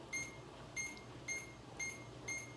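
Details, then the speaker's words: Five short high-pitched beeps about half a second apart as a Duopa infusion pump is stopped, then powered off with the on/off button, during pump disconnection. "then we're going to go to the on and off button down below here and we're going to hit it"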